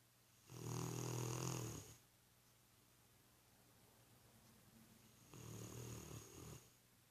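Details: A worn-out, sleeping Rottweiler gives two long, low, rattling snores on the in-breath with a quiet pause between; loud snoring.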